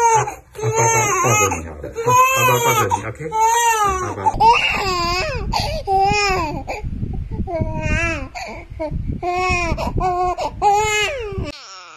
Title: Newborn babies crying. Cute baby lovely moments.